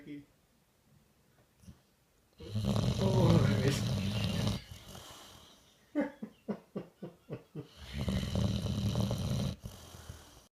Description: Our bull boxer dog snoring his head off.